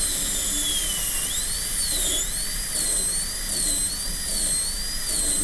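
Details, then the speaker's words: A high-speed dental drill whines, its pitch dipping and rising. It is starting a Class II mesio-occlusal preparation on typodont lower tooth 30 in a demonstration: the burr leans lingually, begins mesially and follows the central groove. "Okay, looking along the arch, I lean the burr a little bit lingually. I start in the mesial side, and I'm going to just follow the central groove."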